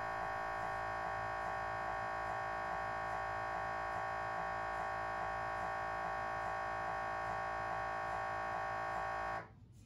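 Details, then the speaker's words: Loud steady electronic buzzing with faint regular pulsing, about three per second, then abrupt stop: axial T2 FLAIR brain MRI sequence, a fast inversion recovery nulling CSF signal, on a GE Signa Excite 1.5T scanner. "foreign axial T2 flare ay isang mabilis na inversion recovery technique batay sa null point ng cerebrospinal fluid"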